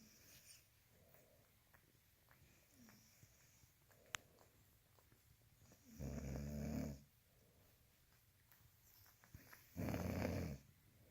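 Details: Two loud, rough, low snoring breaths about four seconds apart over quiet room noise; snoring during sleep.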